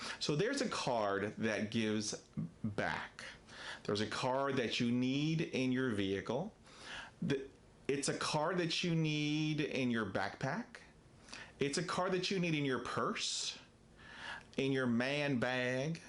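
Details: Stuttering in an adult man who describes himself as a person who stutters.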